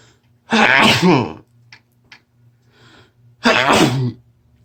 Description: I've had a cold all week and I induced this fit with some Chhinkni. These sneezes were incredibly wet.